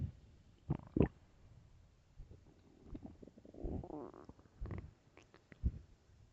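Low gurgling and rumbling with a drawn-out squeaky groan, typical stomach growling from hunger.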